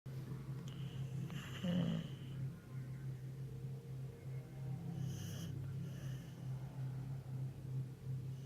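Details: Boxer dog described as pretending to be asleep: steady low rumbling snores with a snort; snoring.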